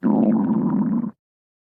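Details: A single low, rumbling gurgle lasting about a second, from gas and fluid moving through the gut; stomach growling (borborygmi).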